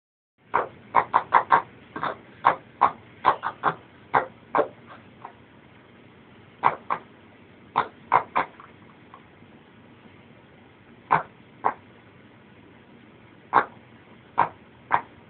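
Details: Dog with a honking, quacking cough: rapid bursts of short, nasal coughs in several clusters with quiet gaps.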